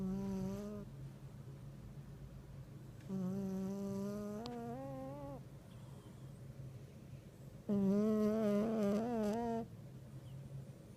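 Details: Very fat black cat snoring: drawn-out, whistling, tonal snores on each breath, some wavering in pitch, with quiet gaps between.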